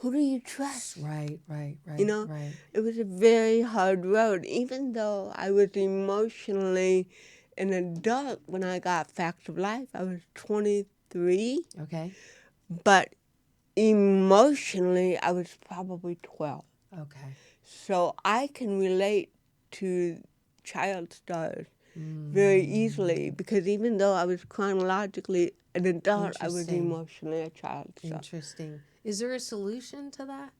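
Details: Adult woman (actress) with cerebral palsy, with dysarthria (cerebral palsy).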